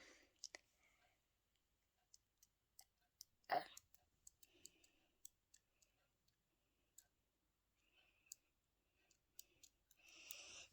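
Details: Wobbly baby tooth moved in its socket, with other wobbly teeth including the two top pointy ones: faint, irregular soft clicks and wet squishing sounds with quiet breathing.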